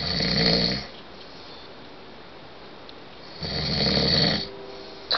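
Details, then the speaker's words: Two loud, rough snores about three seconds apart from a sleeping adult man, with quiet room noise between them. The man denies snoring, and his wife says it is very loud. "you're snoring really loud and I finally got you on tape roll over you're snoring really loud you're going to hurt your throat"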